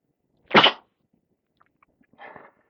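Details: Person with a cold, mostly in the chest with a dry cough, gives one sharp half-stifled sneeze then a softer muffled breathy sneeze in a quiet room.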